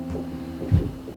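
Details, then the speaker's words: Fetal heartbeat on a prenatal monitor: low, rhythmic whooshing pulses over a steady hum, beating lively; the baby is healthy. "오늘 너무 활기차게 심장이 뛰니까 좋더라구요."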